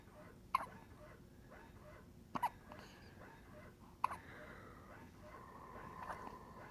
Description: 1 premium minute of newborn baby hiccups!